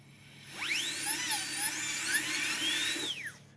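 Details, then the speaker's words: PFM crown preparation on the upper left canine: 330 tungsten carbide bur marking a 1 mm deep incisal depth cut, high-pitched dental drill whine rising and falling as it spins up and cuts, over low room hum. "I will take a 330 burr, tungsten carbide burr, and I will make a mark on the surface 1 millimeter deep."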